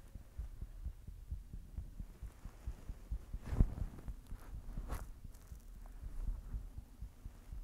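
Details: Own heartbeat recorded while blushing: steady low thudding beats at about 80 a minute, with a faint hum and a few rustles in the background.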